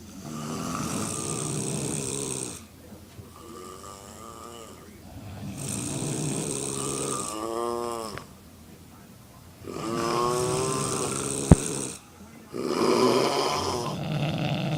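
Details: Four young women snoring together in a hotel room after drinking alcohol: overlapping snores, rough rattling breaths and higher snorting sounds, with a brief click in the room.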